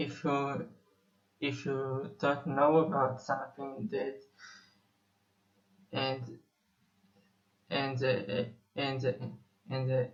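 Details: 25-year-old Israeli male musician who says he has stuttered for almost 21 years; stuttering.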